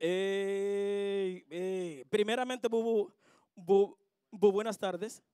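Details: Real stuttering in a male singer; finding: stuttering.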